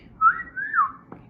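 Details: Whistling vocal tic in Tourette syndrome: a short, sudden whistle that rises and falls, followed by a brief noise; an involuntary vocal tic.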